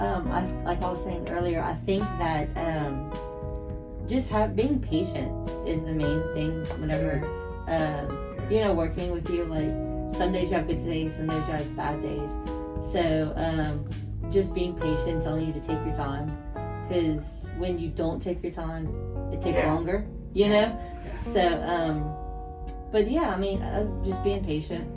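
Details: Adult speaker; normal conversational speech.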